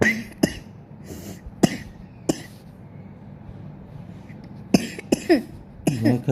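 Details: Repeated brief coughs and throat clearing in a quiet room, a reflex cough triggered by cleaning of the ear canal.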